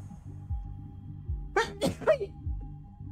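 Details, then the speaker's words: A quick run of about three sharp, explosive sneezes from an adult with bad allergies, recorded over steady video game music. "oh no I'm sorry my allergies are so nasty right now"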